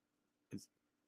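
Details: A single short, sharp cough from an adult, faint against quiet room background, remarked to sound like a dog.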